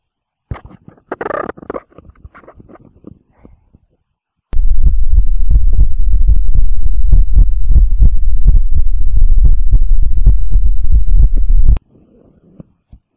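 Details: Recorded normal heart sounds: a steady, deep, rapid lub-dub thumping after a brief faint noise.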